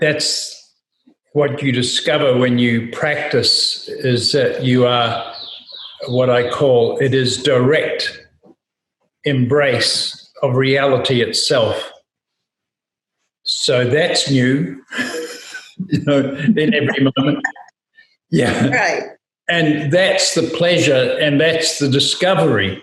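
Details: Adult male speaker; normal speech.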